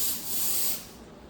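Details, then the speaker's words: Triton dental machine, nitrogen-powered: high-speed air handpiece hose purged with water via foot pedal for about 30 seconds during setup and cleaning; steady high-pitched air-water hiss then drop-off; dental handpiece water purge. "get water to come through them yep so water is going to purge them we're going to say 30 seconds went by there"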